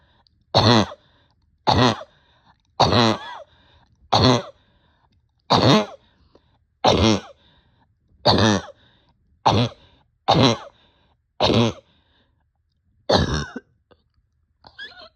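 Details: Person short of breath with barking cough: about eleven harsh, forceful single coughs, roughly one per second, with a hoarse barking quality.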